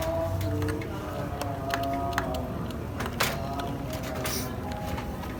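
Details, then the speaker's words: Infusion pump motor driving the mechanism through a belt, conveyor-like system: a steady low mechanical hum with a faint whine and occasional clicks. Infusion pump motor running. "lalu di sini juga ada motor untuk apa motor untuk menggerakkan sistemnya menggunakan sistem seperti conveyor jadi dia menggunakan belt untuk menggerakkan ini"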